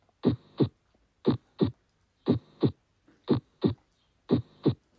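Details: Normal heart sounds on auscultation: regular paired lub-dub beats at about 60 per minute with clean first and second heart sounds (S1 and S2).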